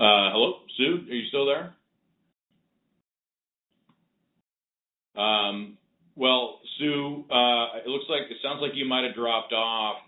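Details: Adult male speaker; typical speech.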